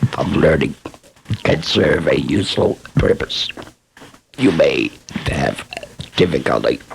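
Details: Adult laryngectomee speaker; esophageal speech after laryngectomy.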